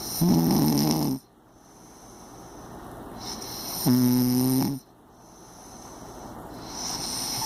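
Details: Impressive snoring: loud, buzzing, tone-like snores on each breath in, about four seconds apart, over a steady high background hum.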